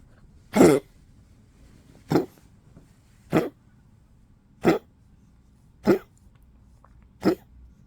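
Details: 15-year-old Poodle, weak and sleepy in cold 12°C weather, eating less, coughing a little: six short, soft coughs about a second apart in a quiet room.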